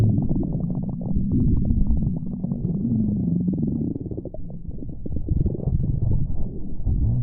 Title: Stomach Growling V1